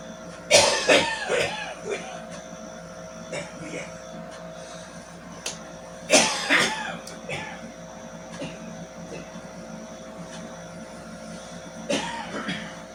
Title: Morning smokers cough 4